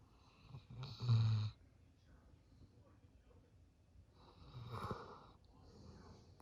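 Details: Golden Lab dog snoring while asleep: two deep, rumbling breaths a few seconds apart with quiet between them.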